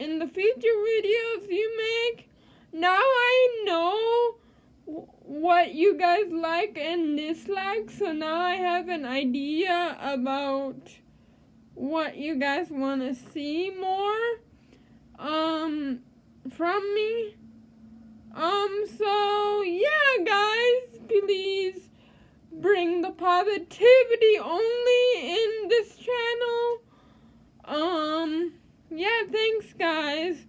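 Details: Dysarthria in a female with cerebral palsy.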